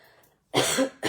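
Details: An adult woman, hoarse for several days, gives a single loud, harsh cough burst, with the start of another at the end.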